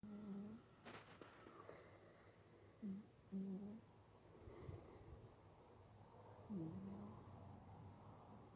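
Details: Snoring: soft, irregular low rumbling breaths with a faint whistly tone in a quiet room.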